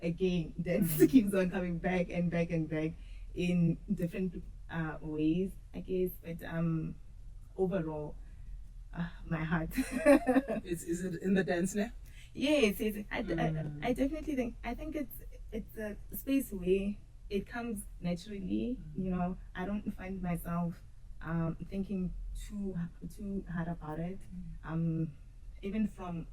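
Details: Woman who says she has stuttered and struggled with it since school; her stuttering is noticeable in her interview speech; stuttering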